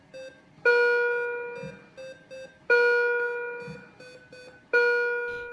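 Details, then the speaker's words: Neonatal intensive care unit monitor alarm for a very small or sick infant with chest leads and oxygen saturation probe: repeating chime-like tones with short beeps about every two seconds; most such alarms are not serious. "the time after the birth of a very small or sick infant is very busy you will see many people caring for your baby and you may hear alarms ringing"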